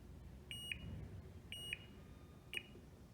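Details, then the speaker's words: Cath ergometer patient coach pacing tone: three short, evenly spaced electronic double beeps about once a second, switched on to help the patient keep pedalling at the target 60 rpm. "also we mentioned earlier there is a beeping that helps you your patient pedal to speed you can turn this on by hitting tone on or off"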